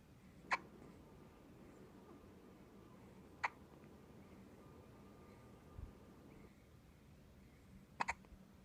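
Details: Baby girl with hiccups: sharp, brief hiccups at irregular intervals, three to four over about nine seconds, against quiet room noise.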